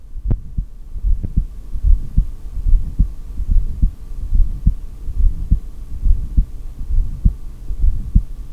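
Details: Normal heartbeat recorded by stethoscope during a long self-performed breath-hold, exhaled or inhaled: steady paired low thumps at about 70 a minute over a faint low hum.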